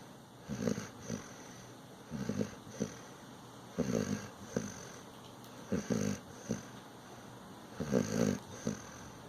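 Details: Rhythmic rattling snores during sleep, about six breath cycles in nine seconds, each with a short snort on the out-breath.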